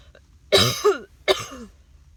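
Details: Two forceful, harsh coughs from an adult in a quiet room, after walking dogs in the rain; cough.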